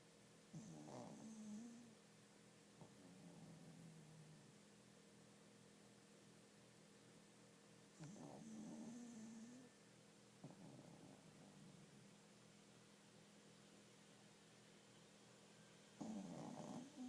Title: snoring